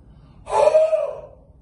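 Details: Huff (forced expiration technique) demonstrated in the active cycle of breathing technique, used to clear sputum in bronchiectasis, COPD, CF and chest infections: a single long, open-mouthed forced breath out, like fogging a mirror.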